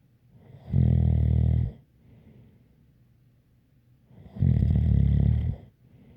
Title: Snoring Sounds ZZzzz with a light whistle